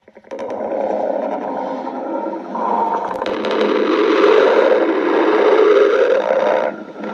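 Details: Stomach growling (borborygmi): a long, continuous gurgling rumble lasting about six seconds.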